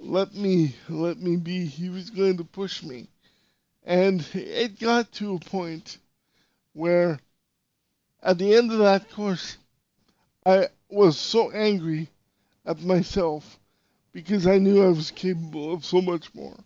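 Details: Dysarthria in an adult male podcast host with severe cerebral palsy.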